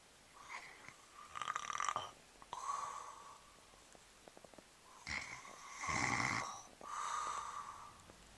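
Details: Person snoring, recorded on a Flip Video camera: loud, irregular, rattling snores with snorting breaths in a quiet room.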